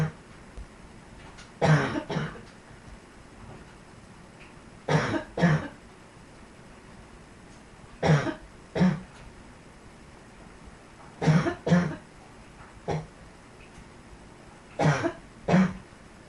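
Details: Dog coughing: harsh coughs mostly in pairs, about ten bursts over sixteen seconds, with quiet pauses between.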